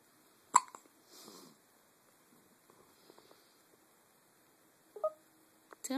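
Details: Sharp, isolated hiccup sounds separated by several seconds of quiet, with brief squeaky voicing in a quiet room; hiccups.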